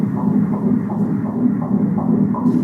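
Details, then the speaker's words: Fetal heartbeat on Doppler, baby expected May 2021: rapid, steady whooshing pulses at about 165 beats a minute. "wow that sounds like stressed person that was the uh heartbeat of uh a little baby that we are expecting in May 2021"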